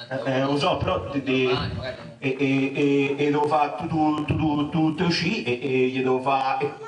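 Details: Acted stuttering by a male performer in an Italian comedy cabaret sketch about a stutterer's jobs, with repeated sounds and syllables.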